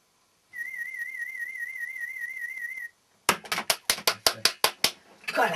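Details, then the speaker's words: Play audiometry with a young girl wearing headphones, conditioned to throw a toy each time she hears the beep: a steady warbling test tone for about two seconds, then a quick run of sharp clatters as the toy is dropped. "תקשיבי, עד שצפצוף יגיד לך לשים. רגע, להקשיב."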